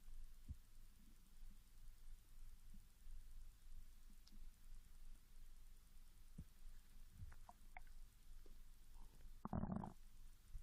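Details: Young Japanese woman fasting 16 hours, growling started after drinking mineral water; recorder placed directly over the stomach: loud squealing hunger borborygmi.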